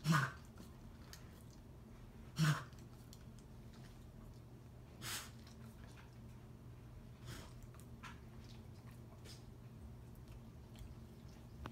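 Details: Dog named Whistler coughing, owner notes he always drinks super fast: two sharp cough bursts, then two fainter ones, in a quiet small room.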